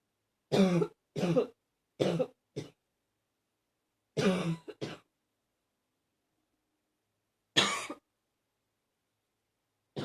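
Repeated harsh, barking coughs in short bursts, about seven in all, separated by silent pauses.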